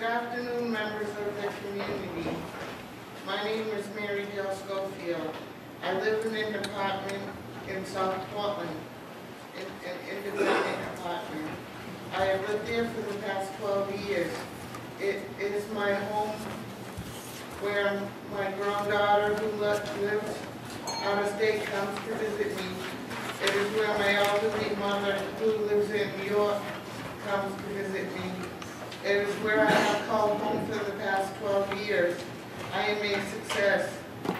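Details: Adult woman speaking; ordinary speech.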